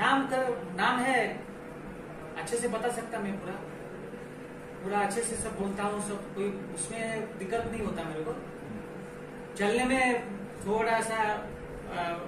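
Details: Real patient in a clinical demonstration of Wernicke's aphasia, producing fluent but jargon-filled, meaningless speech; Wernicke's aphasia.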